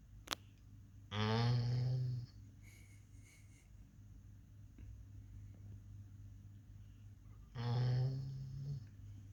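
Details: Two rough, rattling snores about six seconds apart, quiet breathing between, from a sleeping pit bull puppy: snoring.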